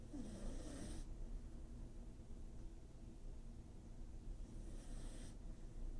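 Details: Sleeping dog snores with two rattling, snorting breaths several seconds apart over low room rumble.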